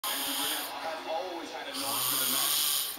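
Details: Adult man (dad) snoring in sleep: low rough snore sounds with airy breathing noise.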